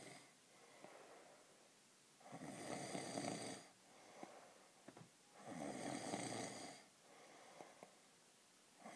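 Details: Snoring from an adult man asleep at night: two loud, rough snores on long in-breaths about three seconds apart, with quiet breathing between.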